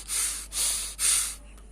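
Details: Soft, airy rustling with each breath in and out, about three short phases, during a pneumonia physical examination teaching demonstration; normal vesicular breath sounds.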